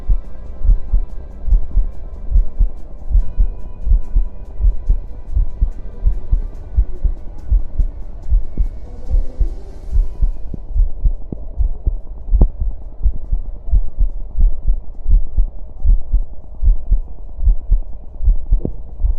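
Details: Heart sounds (PCG) streamed wirelessly from a prototype smart electronic stethoscope: regular low heart thumps at about 75 beats a minute with faint background music.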